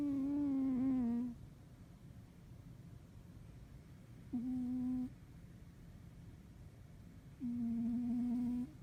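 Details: Pet cat snoring; audio is quiet.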